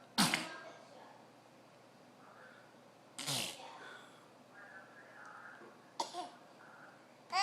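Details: A 9-month-old baby's playful fake sneezes: three short, breathy, sneeze-like bursts separated by quiet pauses, with soft baby sounds between them, imitated rather than true sneezes.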